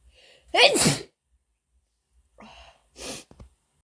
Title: my best sneezes compilation (f)